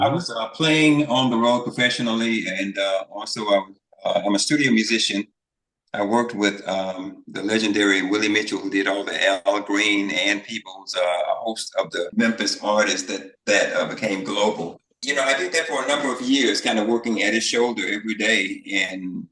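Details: Adult man speaking; typical speech.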